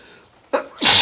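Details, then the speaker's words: Male in the morning, sniffly, during an intense sneezing fit in the rain with watering eyes: a short intake of breath, then one loud, forceful sneeze. "I'm gonna sneeze. Oh, excuse me. Sometimes I really struggle in the morning. And I can't control it."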